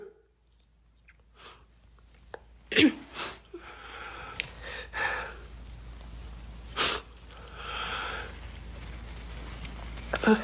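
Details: A girl coughing: several short, sharp, explosive coughs separated by pauses in a quiet room.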